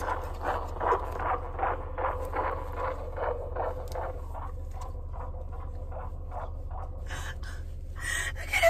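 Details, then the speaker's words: Fetal heartbeats of 17-week triplets heard for the first time during an ultrasound: rapid, regular whooshing pulses, about 150 a minute, played back through a small speaker. "we got to hear our baby's heartbeats for the first time today i've never heard them"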